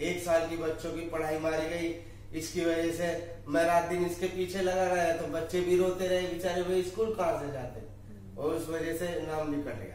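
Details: Adult male speaker; normal speech.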